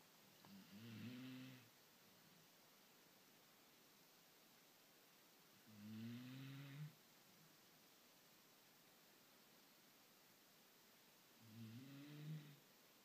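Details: Dog snoring loudly: three slow, low, rattling snores about six seconds apart, against steady background hiss.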